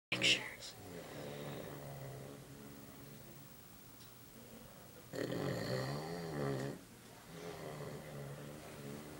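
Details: Adult man (uncle) snoring in sleep: rough, rattling breathing in long drawn phases with a louder buzzing stretch, over faint room noise.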